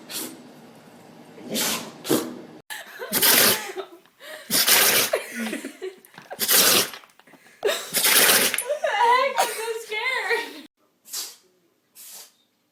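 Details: Several short, sharp sneezes from different animals, mixed with laughter and voices in the room; sneezing.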